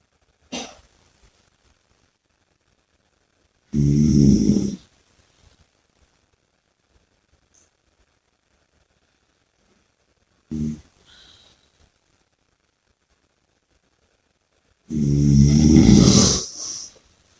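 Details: Loud rattling snores on each breath, roughly every five to six seconds, with quiet pauses between; heavy snoring.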